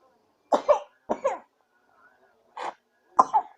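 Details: Baby with a cough and cold, eating little while dancing to music: four short coughs, mostly in paired bursts, in a quiet room; cough.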